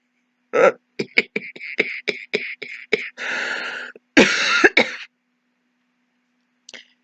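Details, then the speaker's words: Acted demonstration: a run of about ten short, harsh hacking coughs in quick succession, a continuous ongoing cough presented as a possible COVID-19 cough. "we want to just recap again you've got a tickle again got a car and then we've got the continuous cough the hacking cough the ongoing the going on and on"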